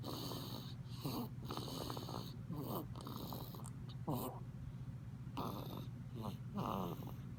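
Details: A nearly 2-month-old baby with a cold, diagnosed by a doctor with bronchiolitis and seeming breathless, snores while asleep: quiet, irregular, snuffly snoring with brief noisy breaths over a steady background hum; snoring.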